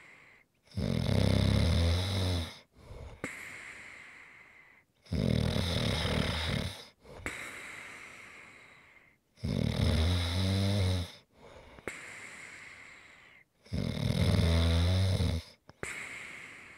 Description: ASMR - Great snoring sounds to rest and relax to.